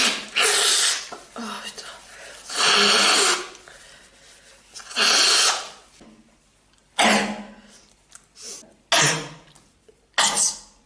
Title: another sneeze attack